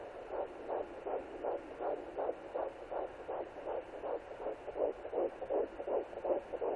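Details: Fetal heartbeat at 11 weeks 0 days, heard on a Sonoline B pocket fetal Doppler: rapid, regular whooshing pulses at about 160 per minute over a steady hiss.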